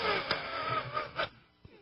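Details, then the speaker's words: Harsh, close-miked wheezy breathing with faint overlapping whistles, like a classroom of children trying to whistle at once, from an adult with a cold who has taken cold medicine. "not great that's my breathing mm-hmm yeah sounds like a bunch of like it sounds like a whole classroom of children trying to whistle at once"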